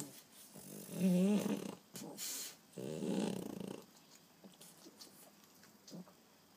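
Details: Dog snoring very loudly while asleep: loud, rough snorts on breathing in, then quieter breaths; ordinary snoring.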